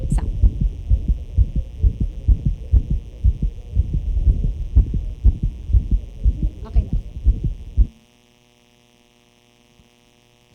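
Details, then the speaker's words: Veterinary case: heart murmur with an extra heart sound and arrhythmia, most intense on the patient's right side owing to a seen defect, graded 4/6. "So this sound or murmur was graded as grade four out of six meaning um"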